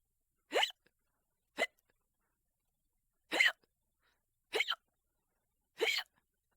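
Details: Five short, sharp, voiced gulps about a second apart in silence, audio only; hiccups.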